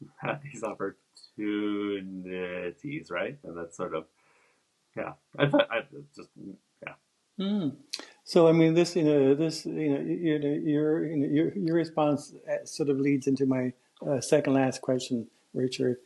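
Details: Two men who stutter in a podcast interview, one of them a speech-language pathologist; word repetitions are heard; stuttering.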